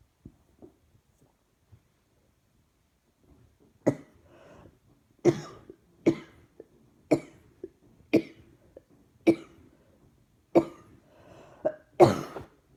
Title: Throat hurts now along with chest. Keep breathing & coughing, coughing & cough cough coughing